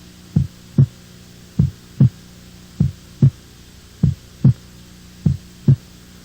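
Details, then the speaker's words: Normal heart sounds: regular lub-dub about 49 a minute, longer lower S1 then S2 after short silence, no added sounds. "A primeira bulha corresponde ao fechamento das válvulas mitral e tricúspide, sendo que o melhor ponto de ausculta é o foco mitral. Seu som é mais prolongado e mais grave do que o da segunda bulha."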